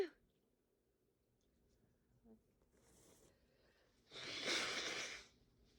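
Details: Quiet room, a soft intake of breath, then one loud hissing burst about a second long; a single sneeze.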